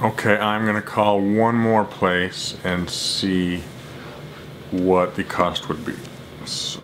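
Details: Adult who stutters, summarizing his phone calls to jewelry stores made as daily speaking challenges; stuttering.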